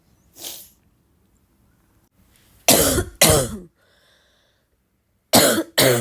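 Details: Person with a bad barking cough while trying to read: harsh abrupt coughs in pairs, about four loud ones after a softer one, quiet gaps between.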